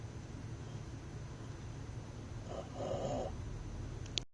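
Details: Dog sleeping in a truck: low rumbling background with one longer rattling snore breath near the middle; snoring.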